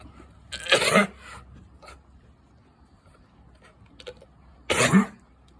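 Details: Sheep sneezing: two sharp, explosive bursts of air about four seconds apart, with a soft snort between them.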